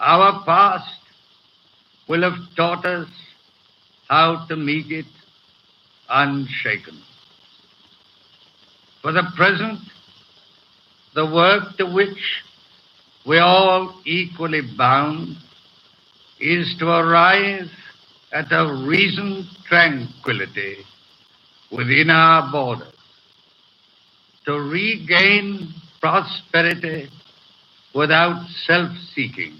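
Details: Adult man with a severe stutter, in his May 1937 coronation-day radio broadcast before full speech therapy; hesitations are heard throughout.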